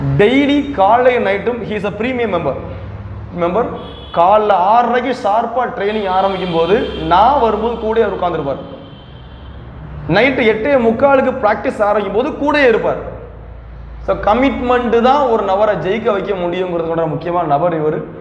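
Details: Adult male speaker; normal speech.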